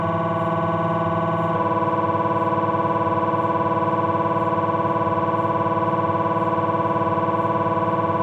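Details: Abdominal MRI on a Philips 1.5T scanner during a T1 fat-suppressed sequence: steady, loud buzzing hum with fast regular pulsing at about 220 a minute; normal MRI scanner noise.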